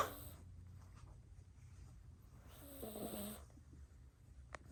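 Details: Cat asleep on a couch, snoring: soft, low breathing with one brief nasal snore in the middle over faint room noise.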